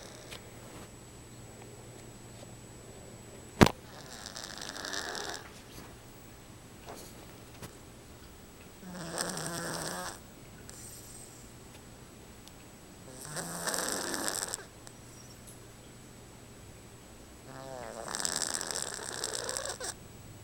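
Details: Cat asleep: rhythmic rasping snores on each breath, about twelve breaths a minute, in a quiet room; snoring.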